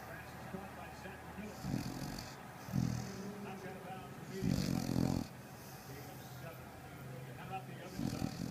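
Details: Sleeping hound dog, with low rumbling snores recurring every few seconds over steady room noise; snoring.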